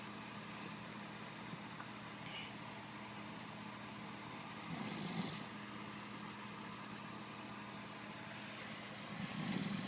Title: He is going to hate me. Snoring !